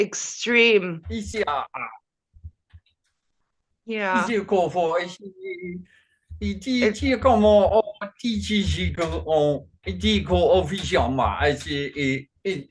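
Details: Man with Functional Neurological Disorder and foreign accent syndrome, onset 2019 alongside non-epileptic seizures, accents varying daily without control; today a bout of gibberish with a Chinese-sounding accent. Functional foreign accent syndrome with gibberish speech.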